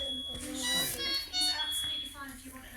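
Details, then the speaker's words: Repeated high electronic beeps and tones from bedside monitors over soft voices and room noise in the delivery room, an extremely preterm baby about 26 minutes after birth just handed to mum. "i'll apologize in advance for the beats of the monitors it's something you only realize is going on in retrospect but if you can try and hear through the beeps"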